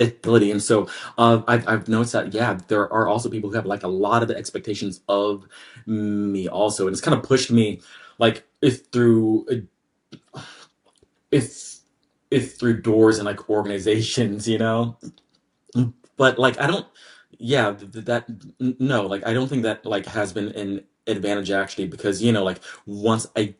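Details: Adult man with a lifelong, anxiety-based stutter, triggered mainly by word-initial B, P, D and hard G sounds, drawn-out M sounds, humidity and background noise; stuttering.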